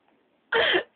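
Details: One short, harsh burst of air from the throat after a quiet lead-in while a girl tries to make herself sneeze; a single throat clear or cough.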